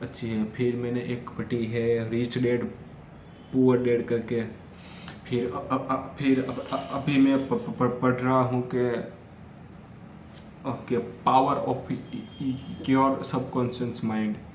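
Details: Stuttering in an adult male who stammers, recorded during day 5 of a daily speech practice routine, speaking freely as continuous-speech practice.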